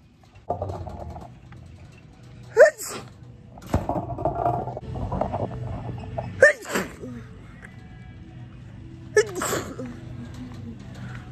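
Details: Several sharp, explosive sneezes, each with a quick intake before it, recorded in a grocery store over background music and store noise: repeated sneezing.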